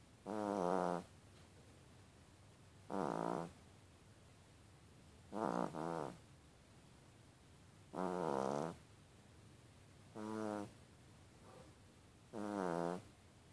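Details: Yorkie dog snoring: six short, buzzing snores on the breath, about 25 a minute, over quiet room noise; ordinary snoring in a small dog.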